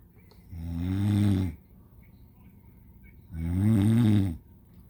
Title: I video my mom's snoring